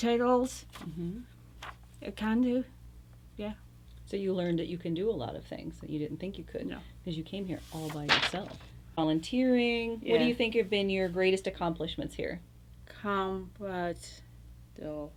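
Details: Adult interviewer in conversation; typical speech.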